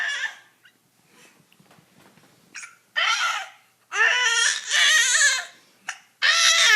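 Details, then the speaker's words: Infant singing to her parents while hiccuping: sung vowel sounds broken by short, sharp catches in the voice from hiccups. "you have hiccups are you singing through the hiccups they're ruining your song so pretty"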